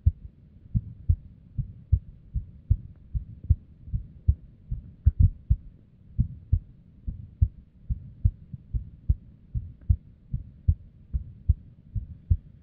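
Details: Female's unstable resting heartbeat, recorded with simple equipment: low thumps with uneven spacing and varying loudness, some beats early or paired; irregular heartbeat with abnormal beats.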